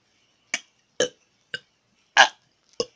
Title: Burps part 3